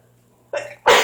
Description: I can't stop sneezing. I don't know what it is :/